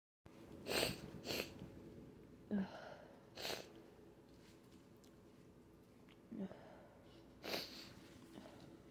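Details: Sneezing fit, with a handkerchief used: several sharp, explosive sneezes with sniffs between them in a quiet room.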